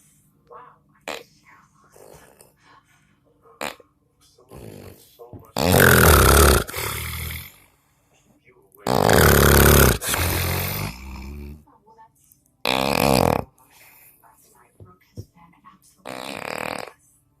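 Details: Loud, rough snores in long bursts of a second or more from a sleeping husband, separated by quiet gaps with faint sounds; heavy snoring.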